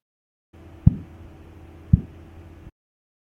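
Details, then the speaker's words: Phase three Korotkoff sounds: two crisp, sharp low thumps about a second apart over a faint hum, heard over the brachial artery during slow cuff deflation with a manual sphygmomanometer. "phase three is a crisp flooding sound which you can hear now"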